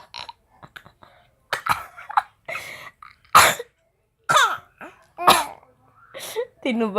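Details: Infant babbling and squealing contentedly, broken by a few short cough bursts; a coughing baby who still sounds happy.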